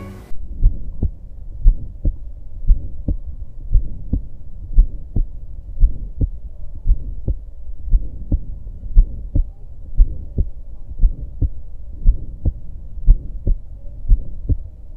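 Regular heart sounds at about 58 beats a minute with a low rushing murmur between beats: midsystolic crescendo-decrescendo murmur of aortic stenosis.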